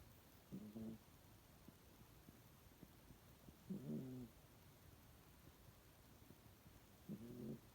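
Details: Cat snoring: soft, low, rattling snores about every three seconds, roughly 18 breaths a minute, over quiet room noise.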